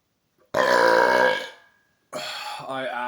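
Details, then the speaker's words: Person drinking 1.25 liters of Coke Zero: a long, loud, voiced belch, then a second shorter rumbling one; deliberate burping. "absolutely love it when my burps sound like that because you just feel like it's the first burp after you've drank a lot of soda just pops right up"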